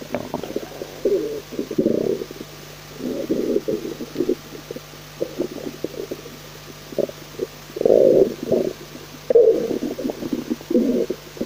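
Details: Stomach growling (borborygmi) after eating cream of leek soup: irregular gurgling and rumbling abdominal bursts, some long and bubbly, over faint room hum.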